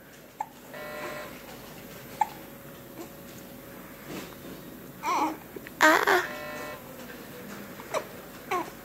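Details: Baby girl sitting on a bed, babbling and fussing, broken by several abrupt short catches of breath typical of hiccups, over faint room noise.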